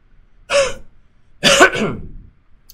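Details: Huff cough airway clearance demonstration in pulmonary rehab: forceful open-throat huff then longer huff-cough, uncovered, initiating rattling to move secretions up from the lower airways so they become productive.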